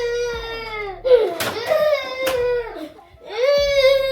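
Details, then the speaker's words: A 4-year-old boy cries and sobs in long wailing bursts with breaks to catch his breath, in a small room, while made to clean his messy room before bed; ordinary upset crying. "hey can you stop all that crying you the one who made the mess who made this mess"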